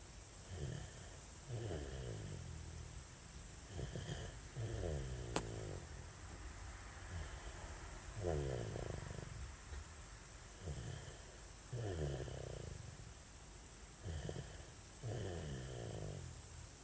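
Repeated low, rattling snores, about 17 a minute, over steady background hiss. Snoring in a sleeping infant.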